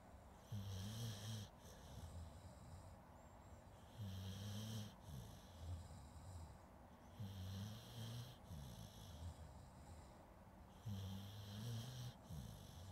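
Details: Sleeping dog recorded with a Zoom H2N: deep rattling snores on each in-breath, about 17 a minute, with a soft hiss between; ordinary snoring.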